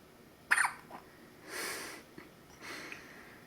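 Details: Infant hiccups, the baby's second bout in two days: a few soft, abrupt catching sounds over quiet room noise.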